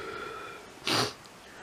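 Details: Person with a bout of lots of sneezing: a single sharp, hissing sneeze burst against quiet room noise.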